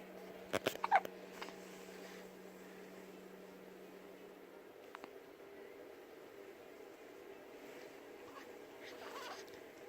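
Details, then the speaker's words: Baby with hiccups: a few short, sharp catches in the breathing near the start, then a quiet room with a steady hum; infant hiccups. "You got the hiccups? What are you doing?"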